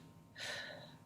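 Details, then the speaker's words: Single brief, airy deep breath drawn in on request, soft and without wheeze, during a nursing respiratory assessment demonstration with stethoscope placed over the upper lung lobes. "so basically if i was going to do a stethoscope to listen to lungs which i can't hear my own but i would be placing the stethoscope big breath in"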